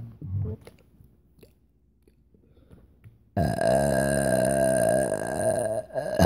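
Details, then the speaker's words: Deliberate, voluntary burping as a grand finale: a brief low belch, then a long, loud, drawn-out rumbling burp lasting about three seconds. "what okay I'm being really Burpee today uh sorry"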